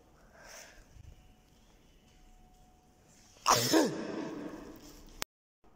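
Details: Sound effect of an adult male sneeze: a faint indrawn breath, then a single loud, explosive sneeze trailing into a brief fading exhale.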